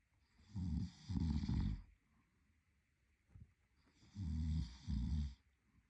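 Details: Deep, rattling snores in two-part bursts with quiet pauses between, from an adult boyfriend asleep; ordinary loud adult snoring.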